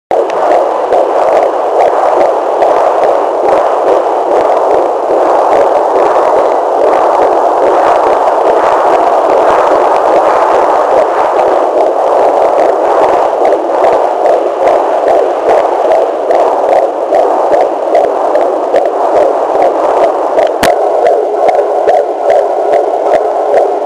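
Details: Fetal heartbeat of a first child, recorded in October 2009: rapid, steady whooshing Doppler pulses over a hissing background.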